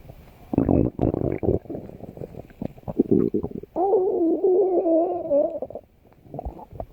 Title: Stomach growling